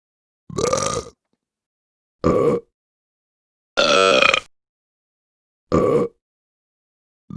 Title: 5 Minutes 💥 Funny Burp Sound Affect